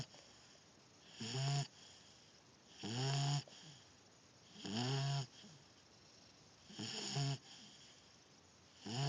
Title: snoring!